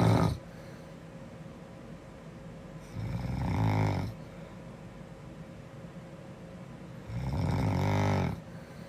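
Low, rattling snores on each breath in, roughly four seconds apart, with quiet between them.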